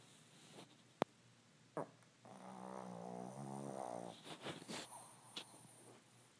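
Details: Dog snoring: one long, loud, rumbling human-like snore on the in-breath, with a few snorts and clicks.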